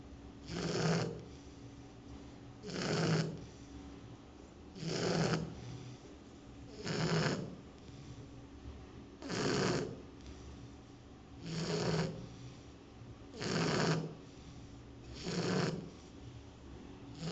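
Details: Martha, a Shar Pei dog asleep at her new home, with regular rattling snores about 29 a minute, each a rough noisy breath with quieter pauses between; loud steady snoring.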